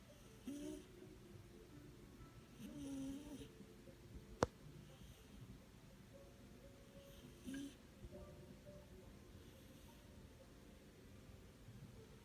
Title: Scottish Fold Kitten snoring 코고는 스코티쉬폴드 아기냥